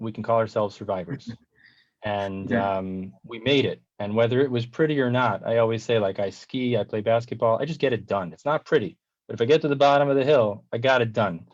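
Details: Adult man speaking; Normal fluent speech.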